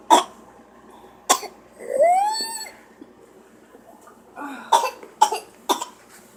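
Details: A child with whooping cough on her birthday: sharp coughs, a high drawn-in whooping breath, then another run of coughs; pertussis.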